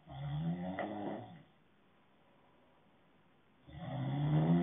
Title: Snoring ASMR